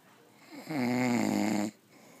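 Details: Adult man snoring asleep after Christmas dinner and whiskey: one loud, drawn-out snore about a second long with a steady buzzing throat rattle against quiet room noise.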